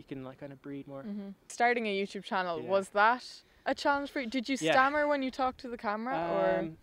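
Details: Adult woman; typical speech.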